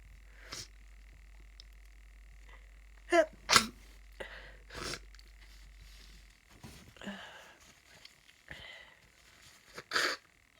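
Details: Person sick with a bad cold sneezing: several short, sharp bursts of air over a quiet background with a steady hum; snot came out with the last sneeze, followed by nose-blowing.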